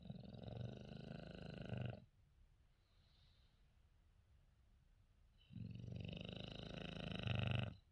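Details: Female English Bulldog/Shar Pei mix: long, loud rattling snores on the in-breath separated by quiet out-breaths, vibration felt by owner; heavy dog snoring.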